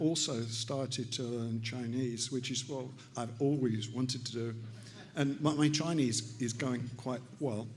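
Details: Adult man, stroke survivor with aphasia, about three years post-stroke and still relearning to speak; aphasia.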